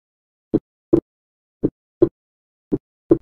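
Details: Teaching recording of physiological splitting of S2: slow, regular lub-dub, with the aortic and pulmonary components separating slightly on inspiration and fusing into a single sound on expiration.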